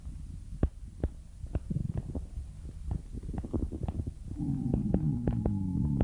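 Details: Irregular low thumps and gurgles rising to a louder rolling rumble with a drawn-out tonal squeak near the end; stomach growling (borborygmi).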